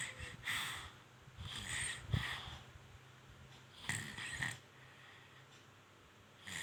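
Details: Infant snoring during sleep: soft, irregular snorting breaths with a low rattly noise on some breaths.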